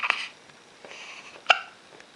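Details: Infant hiccups: two brief, abrupt hiccups about a second and a half apart in a quiet room.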